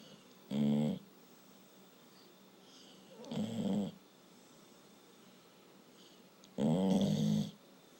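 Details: Very tired sleeping dog snoring: three loud, rattling inspiratory snores about every three seconds with quiet pauses between.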